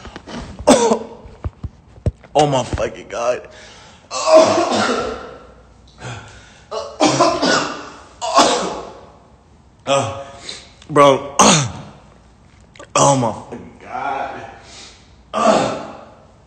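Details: Prolonged coughing fit from an adult man after smoking weed: long run of harsh, hacking coughs with gasping and strained voice in between.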